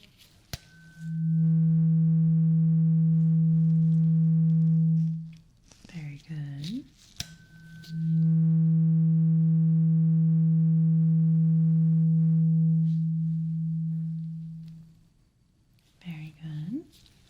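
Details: Role-played ASMR ear exam, simulated: two long, steady, low tuning fork tones slowly fade with soft rustling between, in a hearing test; the listener, eyes closed, says which ear hears it.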